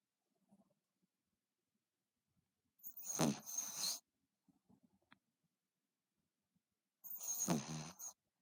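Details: Sleeping female dog, snoring loud enough to hear from across the room: two loud, rough, snorting snores about four seconds apart, with quiet breathing between; snoring.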